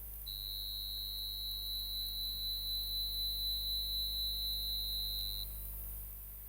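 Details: Tinnitus simulation: a steady high-pitched pure tone lasting about five seconds, from software used to match patients' tinnitus sounds.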